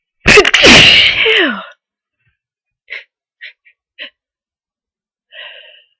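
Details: One loud explosive sneeze after a long buildup, then a few short sniffs and a soft exhale, from a person near the end of a head cold, with tears running: sneezing.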